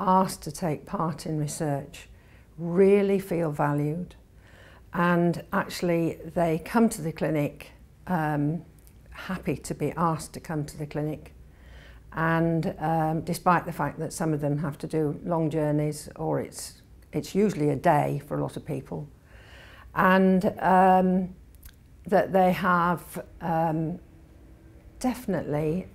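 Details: Adult woman speaking; normal speech.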